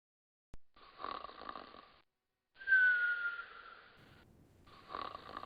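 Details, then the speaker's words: Animated, simulated snoring sound effect of a dad sleeping on his back: rasping snores alternating with a whistling breath out. "he's snoring again. Not this time. He's on his back. That's why he snores."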